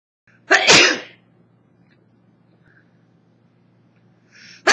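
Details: 24-year-old woman with summer allergies, recorded on an old phone that distorts the sound: one loud, explosive sneeze, then quiet, then the start of another.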